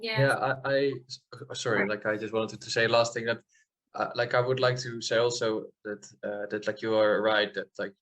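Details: Adult man from the Netherlands who stutters, heard with audible repetitions such as "i i i'm" and "that that"; stuttering.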